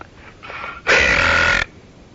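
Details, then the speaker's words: Deliberate prank burp over a phone line: a long, loud belch. "so I burped on the phone will you call me well me then you say I'm bothering you cuz I burp when you call at 7:30"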